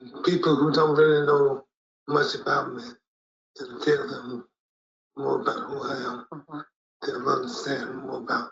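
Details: Hypokinetic dysarthria in an adult man, later in the course of his Parkinson's disease.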